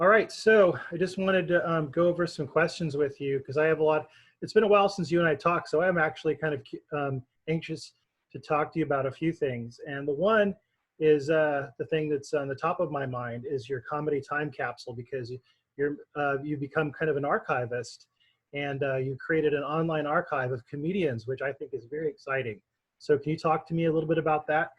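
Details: Adult man speaking; typical speech.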